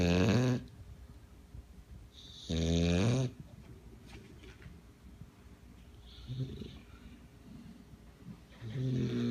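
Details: Bulldog asleep on a person, snoring: deep, buzzing snores on each in-breath, about 20 a minute, with softer breaths between.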